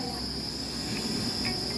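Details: Child in the emergency room with cough, shortness of breath and wheezing (mother unsure if asthma): steady hiss and high whine of a running nebulizer delivering inhaled medicine.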